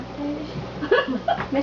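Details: A pet gives two short, abrupt hiccup sounds over quiet human voices in a small room.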